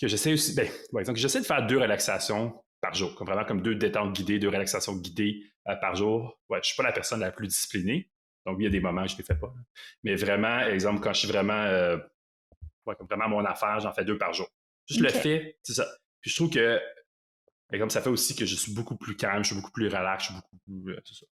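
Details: Longstanding stuttering in a 38-year-old man who says he has stuttered for a very long time; stuttering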